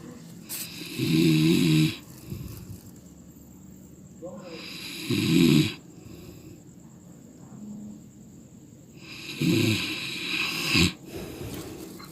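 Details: Loud, rough, rattling snores of a sleeping person on each breath in, about 15 breaths a minute, with quieter breathing out between; snoring.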